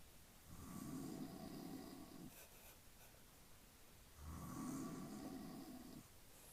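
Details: Snoring from an adult man (the recorder's father) asleep: loud, rattling snores on two slow breaths in, about 16 breaths a minute, in a quiet room.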